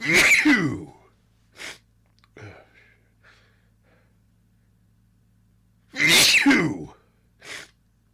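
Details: Allergy-related sneezing fit: two loud, explosive sneezes about six seconds apart, each followed by a short sniff or gasp.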